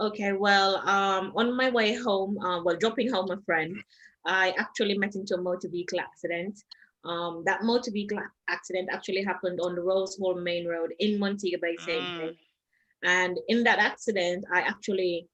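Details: Foreign accent syndrome in an adult Jamaican woman, caused by head trauma and stroke in a June 2019 car accident, with permanent brain damage; accent shifted from American to Trinidadian to British, persisting over six months.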